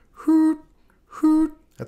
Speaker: is it a musical murmur we sometimes hear musical murmurs aortic stenosis can sound like hoot